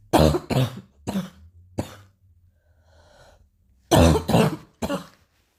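Two short runs of coughing, about seven coughs in all, with a quiet pause between runs.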